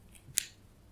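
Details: Left knee clicking while weight-bearing, straightening out of a deep full squat with feet together, flexion beyond 90 degrees: a single sharp, crisp click in a quiet room; knee crepitus, present for a couple of months.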